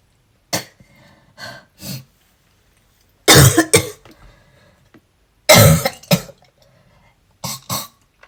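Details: A persistent, hard-to-stop coughing bout while brushing teeth, during asthma and a cold: about ten forceful, harsh to softer throat-clearing coughs in clusters over eight seconds.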